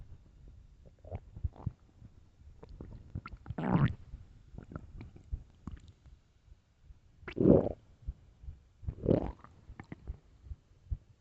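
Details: Irregular low gurgling and rumbling belly bursts with quiet gaps, recorded late at night; ordinary stomach growling (borborygmi).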